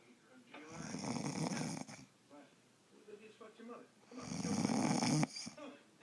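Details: Adult woman asleep: two long, loud, rattling snores about three seconds apart, with quieter breathing between them; snoring.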